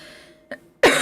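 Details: A girl who says her cough has become bad and who plans to buy medicine: a faint short sound, then a single loud harsh cough burst.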